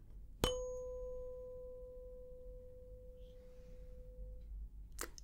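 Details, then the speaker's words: Sharp strike then a clear, pure high tone fading over about four seconds: a 512 Hz tuning fork struck before Weber and Rinne tests in a simulated hearing-exam roleplay. "nice clear high note."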